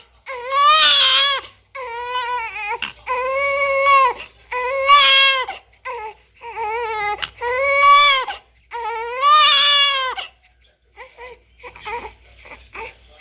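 Loud, high-pitched rhythmic wails in bursts with brief pauses and softer whimpers at the end; a vigorous newborn cry.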